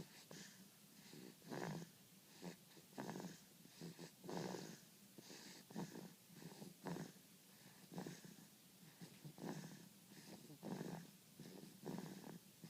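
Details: 7-week-old baby snoring during sleep: soft, rapid, rattly snoring breaths about 44 a minute with a snorting, purring quality.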